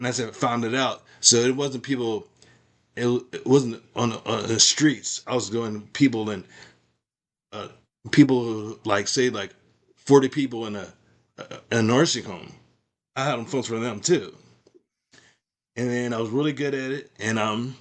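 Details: Adult man with aphasia after a stroke, in stroke recovery with ongoing speech practice; aphasia.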